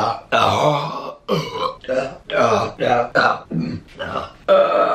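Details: Burping compilation: a run of long, loud, voiced burps with short gaps between them.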